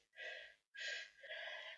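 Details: Person with a cold: two quick, noisy indrawn gasping breaths in a row, the build-up before a wet sneeze.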